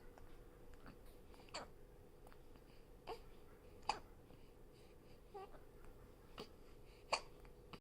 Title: hiccup hiccup...